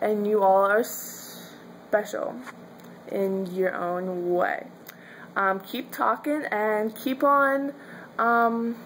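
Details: Adult woman who stutters, with her stutter at times severe; stuttering.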